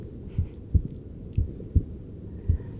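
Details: Normal heart sounds of an adult male patient monitored in real time with a handheld device while preparing for cosmetic forehead injections, under pre-procedure stress.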